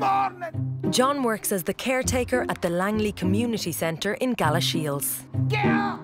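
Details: Adult narrator; Normal fluent speech.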